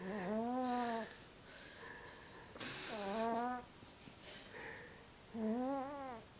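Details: A sleeping Burmese cat snores loudly with rhythmic, wavering buzzy tones about every 2.7 seconds, roughly 22 breaths a minute, with softer hissing breaths between: snoring.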